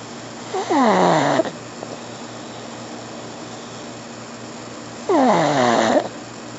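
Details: Pug snoring: two loud, whistling, squeaky snorts about four seconds apart over a steady background hum; noisy snoring through a narrowed airway.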